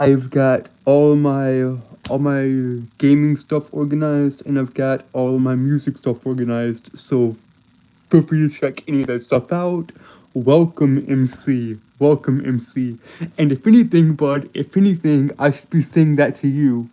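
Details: Male streamer, real speech, who reports a speech impediment that makes him stutter and trip over his words; repetitions audible; stuttering.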